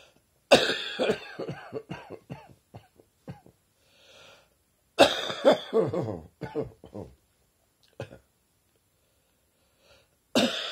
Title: Summer Cold Coughing Again